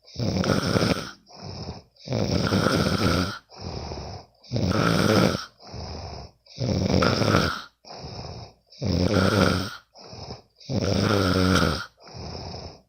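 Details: Friend snoring in sleep: loud rattling snores on each breath in, quieter breaths out, about six cycles in 13 seconds, roughly 28 breaths a minute.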